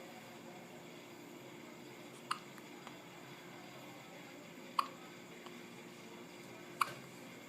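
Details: At the dinner table: three sharp, brief hiccup sounds about two seconds apart in a quiet room; repeated hiccups.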